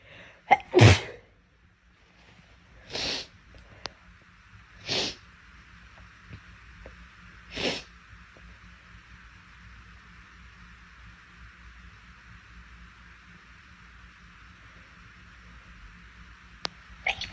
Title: Girl sneezing 10